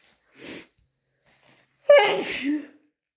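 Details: Morning sneeze, deliberately induced, with possible hayfever (itchy, watery eyes, itchy ears, sensitive nose): short breathy inhale then one loud, wet, voiced sneeze.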